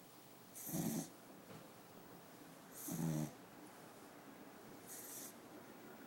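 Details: Old dog snoring in sleep: three rhythmic rattling snores about two seconds apart, roughly 27 a minute, against steady room hiss.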